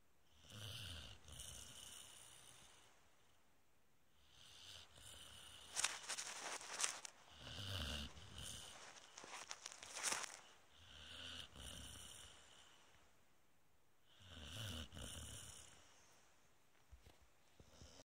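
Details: Springer spaniel dog snoring loudly: soft hissing snores with breathy whistling in irregular waves, with a few rougher snorts between.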